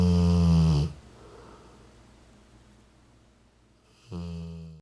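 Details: Rottweiler, 40 days after hemangiosarcoma diagnosis and splenectomy, snoring asleep on owner's lap: deep, buzzing, low-pitched snores separated by quiet pauses of about three seconds.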